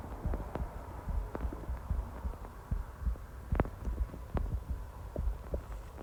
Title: Constant stomach growls while at work